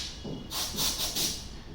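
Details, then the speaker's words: Young boy on his second dental visit: short hissing bursts of spray from a dental air-water syringe, demonstrated before teeth cleaning. "From this, water is going to be sprayed and we are going to clean your teeth."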